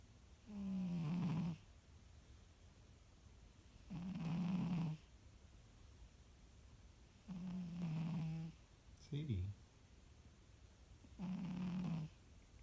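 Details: Sleeping cat snoring: regular low, buzzy snores on each breath, about 17 breaths a minute, with quiet gaps between them.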